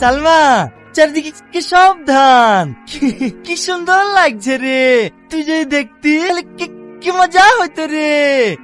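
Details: Acted stuttering by a boy character in a short Bengali drama; stuttering (acted).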